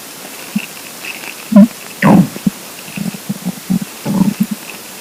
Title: Hungry Empty Stomach Rumbling Part 1 (22/10/2015)